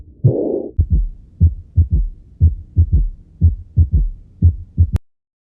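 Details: Patient with significant aortic regurgitation: regular heartbeat about 60 a minute with a soft blowing sound after the second sound; early diastolic murmur.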